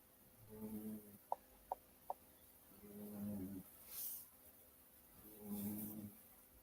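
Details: Small dog sleeping: three low, rough, buzzing snores at a steady rhythm, faint clicks between; he wakes himself up every once in a while; snoring.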